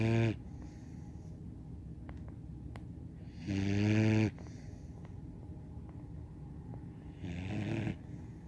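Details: 17-week-old German Shorthaired Pointer puppy snoring while sleeping in an unusual posture: three loud, droning snores on the in-breath, about 16 a minute, with quieter breathing between.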